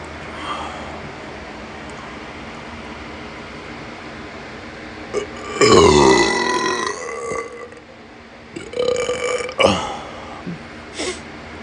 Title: Excessive Burping Video REUPLOAD